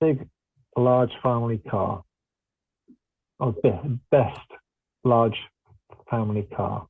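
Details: Male participant with mild or moderate aphasia speaking during a self-chosen web search task; aphasia.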